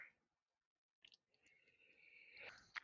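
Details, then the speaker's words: Single adult sneeze picked up faintly by a room microphone: a quiet, rising breathy build-up ending in a sudden sharp burst. "I hope you didn't hear that sneeze"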